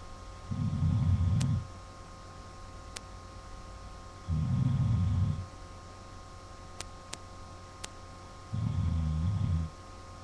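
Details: Adult man (dad) snoring: three long, low, rumbling snores about four seconds apart, roughly 15 breaths a minute, over steady room hum with faint clicks; recorded by webcam.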